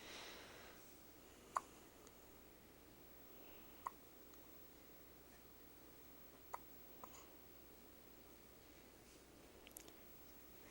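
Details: Faint, sharp hiccups at irregular intervals, about four in ten seconds, in a quiet room.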